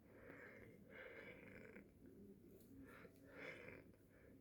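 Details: Wheezing in a person with asthma during an emergency-room visit, treated with cortisone and aerosol inhalations; wheezing.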